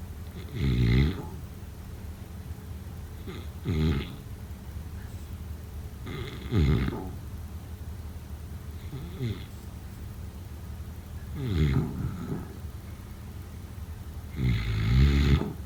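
Low, rattling snores with each inward breath, roughly every 3 seconds, with quiet pauses between them: snoring.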